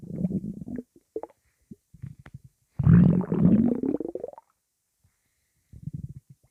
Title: Angry intense stomach rumbling